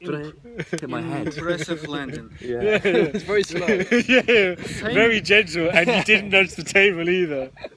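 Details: Stuttering (stammering) in a podcast co-host who openly discloses stammering.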